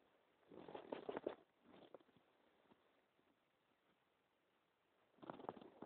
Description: My stomach rumbling.